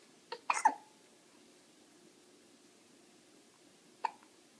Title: My baby hiccup and try to tummy